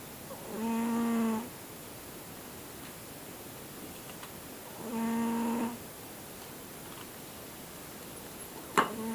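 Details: Two tonal, buzzy snores about four seconds apart, roughly 14 breaths a minute, over quiet room noise, from a sleeping older male Siamese cat; snoring.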